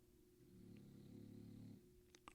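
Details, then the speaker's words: Dog curled up asleep on his bed snoring very loudly, a low, rattling, motor-like rumble through one long breath, likened to an outboard motor; snoring. "bugs is behind me right now curled up on his bed and he's snoring so loud"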